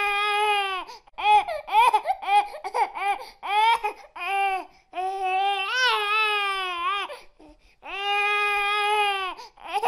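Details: Hungry infant crying in rhythmic, rising wails with brief gasps between, a typical hunger cry.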